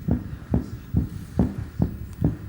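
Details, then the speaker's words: Tachycardia: regular, rapid, dull heartbeats played live as a man's heart rate climbs 78, 89, 101, 112, 122, 128, 133, 138 to 140 per minute while stationary, a rate normally reached by sprinting, then slowing again. "You can hear it getting faster at 78, 78, 89, 89, What sort of thing would a person have to be doing to create this sort of speed? 101. 101, Really running very fast would be the normal thing to put this up."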